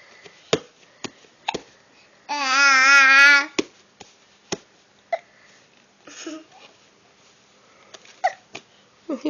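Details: Infant babbling with a drawn-out wavering coo, with short sharp catches repeating throughout: hiccups.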